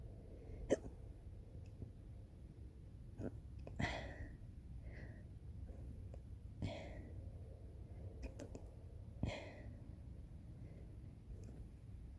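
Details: Repeated sharp, abrupt hiccups, about five in twelve seconds, each a sudden catch of breath with a brief voiced gulp, brought on by hard laughing in someone who often hiccups when laughing.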